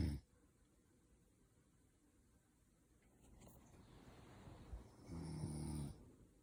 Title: snoring noise